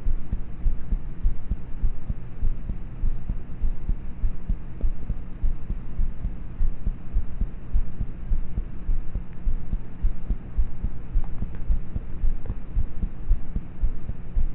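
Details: Normal heart sounds of a person about thirteen, recorded at night in bed with a cheap mp3 player microphone: quiet, muffled heartbeat through heavy low hum, about 100 beats a minute; poor-quality recording.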